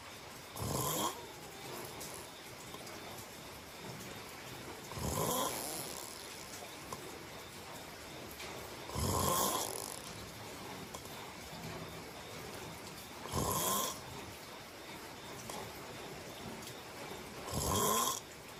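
Rough, rattling snores at regular intervals, about 14 a minute, with quiet breathing between them. Ordinary snoring during sleep.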